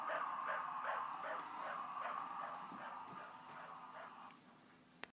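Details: Rapid, regular whooshing fetal heartbeat at about 160 beats per minute, recorded in utero at 19 weeks of pregnancy and played back through a tinny speaker in a recordable stuffed-animal keepsake.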